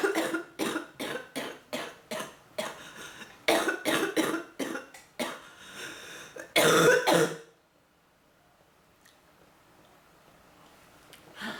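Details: Woman with bronchitis, on medicine and oxygen, with pounding head and back pain: about fifteen harsh, repeated coughs in quick succession ending in a louder burst, then quiet; coughing fit.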